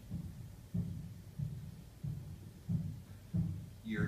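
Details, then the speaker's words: Live teaching auscultation of a patient; regular low lub-dub at about 94 a minute, normal S1 and S2, with a little vibratory systolic murmur called probably benign and physiologic, and a second heart sound that widens with breathing. "hearing a love and a dub does anybody hear anything in between it's a little vibratory systolic burner so that is that's probably benign"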